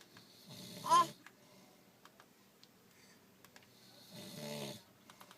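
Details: Man sleeping at locks on his birthday after partying, snoring: two soft, rattling snores separated by a quiet pause, in a quiet room.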